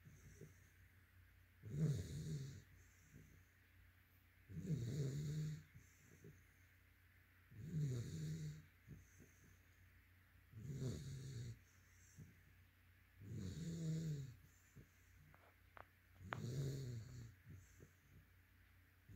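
Low, rumbling snores on each breath, about six in twenty seconds, with soft background hiss; ordinary snoring in a sleeping dog.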